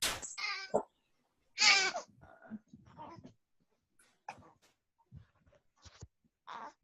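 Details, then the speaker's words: Colicky newborn girl screaming while her mother tries to console her during a phone call: short, high-pitched wailing cry bursts, persistent crying of colic. "I have a very, very colicky baby. Can you hear me? I can hear you, yes. Okay, she's a screaming, so I'm just trying to kind of console her"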